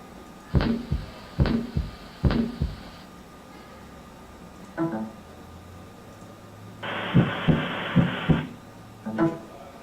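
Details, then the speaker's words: Anatomy class demonstration: heartbeats with lub-dub and a steady hiss between the sounds, filling part of each beat; heart murmur. "What part's the murmur? There's a little bit of a lub-dubs, just a little bit of a hiss in between."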